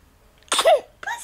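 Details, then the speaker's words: Infant in the morning giving a single sharp, explosive sneeze with a brief voiced tail, followed by a short vocal sound; sneezing. "you pess you that feel good it feel good to get those sneezes out yeah yeah you feel good no more sneezes yeah"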